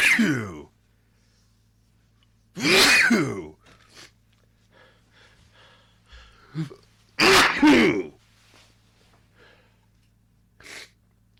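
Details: Sneezing fit attributed to allergies: a run of loud, forceful sneezes, several within seconds, with quiet breathing and a few soft voice sounds between them.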